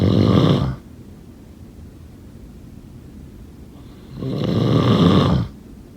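Two loud, low, rattling snores about four seconds apart, with quiet breathing between them, heard as ordinary snoring during sleep.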